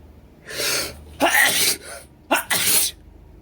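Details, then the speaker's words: Acted, simulated male allergy scene in a flower-dissection class: a person with severe pollen allergy has sneezes induced by a feather tickling the nose. A drawn-in breath, then two forceful hissing sneezes, each preceded by a quick gasp. "when you feel a sneeze coming on there is no need to stifle just let your big sneeze out okay let's start now oh bless you what a powerful sneeze"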